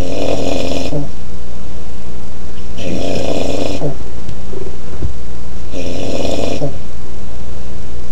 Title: Uncle Snoring